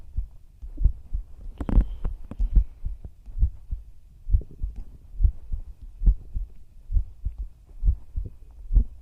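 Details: Steady low paired thumps at about 68 beats a minute, with a brief rustle near the start, in an ASMR sleep roleplay of a heartbeat heard against the chest; normal resting heart sounds.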